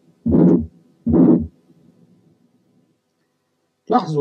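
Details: Severe aortic stenosis: two long, harsh ejection systolic murmurs with a weak, barely audible second sound.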